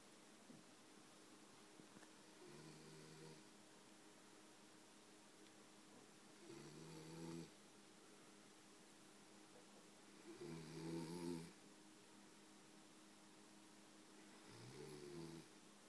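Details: Man asleep on a sofa: four soft, low rattling snores at irregular spacing, about 15 a minute, in a quiet room; he took a long time to wake; snoring.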